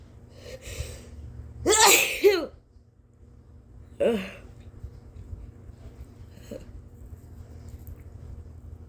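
One loud, forceful double-burst sneeze with a sharp inward gasp before it, then a smaller sneeze-like burst and a faint third.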